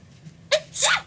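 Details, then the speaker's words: A young woman gives a single small, high-pitched, anime-like sneeze: a sharp intake burst followed by a bright, squeaky release. "I'm leaving a link to her channel because she has a cute sneeze yes you do"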